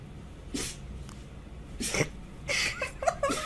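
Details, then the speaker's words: Several short, sharp nasal bursts from a small pet, likely a dog or cat: a series of sneezes. "Oh, okay. Did he sneeze on you? Oh, buddy."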